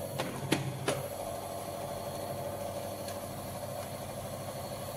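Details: A few clicks, then a steady low motor hum with a rattling buzz: a Nipro nebulizer compressor switched on and running, being set up for nebulisation.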